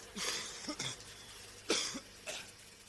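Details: Adult man coughing during a talk, compilation over a minute: several short, soft coughs and throat-clearing sounds over a quiet room background.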